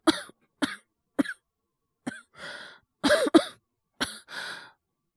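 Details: Acted, simulated coughing by a male voice actor playing a teacher ill with cough and fever: a series of short, dry coughs, some followed by a breathy exhale, in a quiet room.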